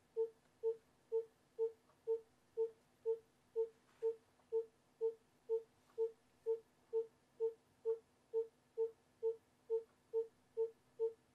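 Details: Simulated obstetric fetal heart monitoring in a training scenario: regular, rapid beeping fetal heart tones on the monitor at about 128 per minute, a normal fetal heart rate.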